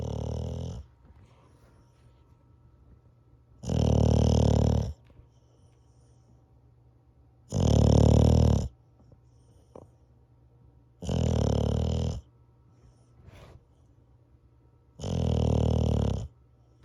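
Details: Dog snoring during sleep, recorded Feb 4, 2021: loud, deep, rattling snores about every 3.5 seconds, roughly 16 a minute, with quiet pauses between them.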